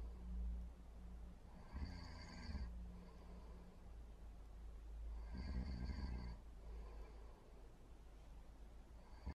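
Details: Snoring: two deep, rattling snores on the in-breath about four seconds apart, with a steady low hum behind.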